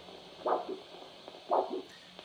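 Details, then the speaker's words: Handheld Doppler probe with gel on the top of the slightly dorsiflexed, relaxed foot between the first and second metatarsals: two rhythmic whooshing pulses about a second apart, roughly 60 a minute, a dorsalis pedis arterial pulse signal. "I'm going to listen in this area here between the first and second metatarsal bones. Sliding the crease if necessary to locate the best signal."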